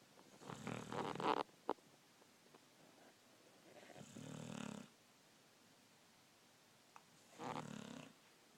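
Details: A 12-year-old Wheaten Terrier, sound asleep, snores loudly: three loud, rough, rattling breaths with quiet pauses between; snoring.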